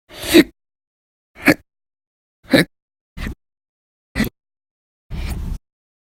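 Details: Six short, abrupt gulping bursts over six seconds, each sharply cut off; violent, very loud persistent hiccups, one of repeated episodes lasting hours at a time in November 2019.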